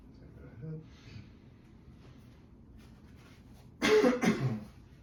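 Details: Simulated patient, postoperative exercise demonstration: quiet room, a soft breath in, then one short, forceful two-part cough; a demonstrated splinted cough, the coughing exercise used after surgery.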